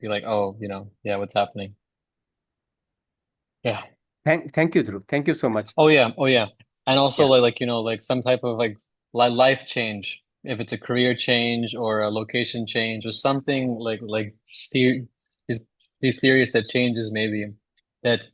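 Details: Female who stammers, with relapse after childhood speech therapy; part-word and word repetitions audible; stuttering.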